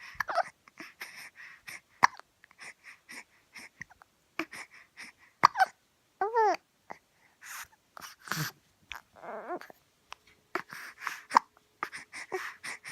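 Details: A young child babbles softly, interrupted every few seconds by sharp, abrupt catches in the breath: hiccups.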